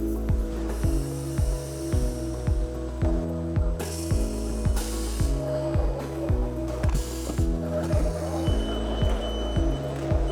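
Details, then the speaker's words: Steady mechanical hum with regular ratcheting clicks about once a second: a MaxForm L2-133 dual thermoforming machine running with 133 mm sheets over two adjacent dental models in aligner production; aligner production machine running. "And place the 133 sheets in the machine. Start machine."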